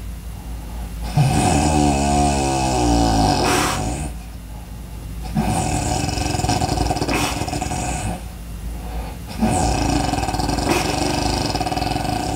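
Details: Loud, rough snoring recurs in long noisy breaths, about three in twelve seconds.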